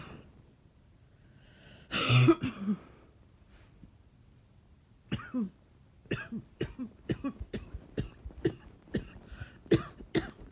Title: Jan 2019 cough 3